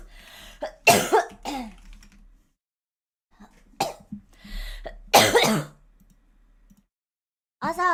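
A girl coughs in short bursts, with quiet sounds and throat noises between them, in a small room.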